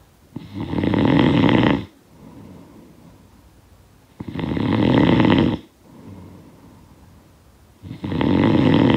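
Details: Snoring sound effect of a sleeper: loud, harsh snores on each inhale about every four seconds, with softer breaths out between; snoring.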